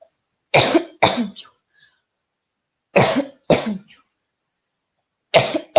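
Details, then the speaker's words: An adult woman coughs while wearing earbuds during a recorded session; five harsh coughs in pairs and a single, separated by quiet pauses. "So you can hear my coughing very well too, huh?"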